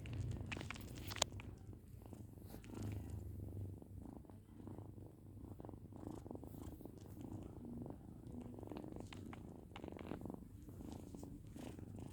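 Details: Steady, low, rhythmic purring from a pet cat, with faint handling noise.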